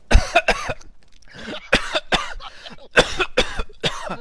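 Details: A run of about eight harsh, forceful coughs in quick clusters, heard during a Rainbow Six Siege gaming session: a brief coughing fit.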